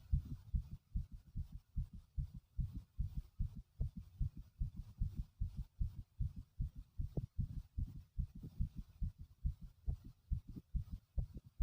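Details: Strong, rapid, steady low thumps of an adult man's heartbeat, heavy and pounding in character.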